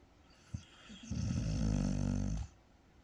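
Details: Dog snoring: a deep, loud, rattling snore lasting over a second, with a faint snort before it.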